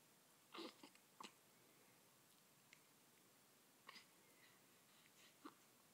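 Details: Hiccups from a male whose hiccups are squeaky, earning him a nickname.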